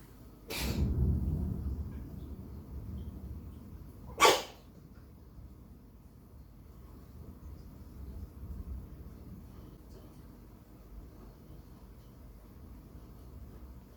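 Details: Cat, filmed last November, giving two sharp, explosive sneezes, described as a forceful human-like cough, followed by quiet room noise; the cat stayed healthy afterward.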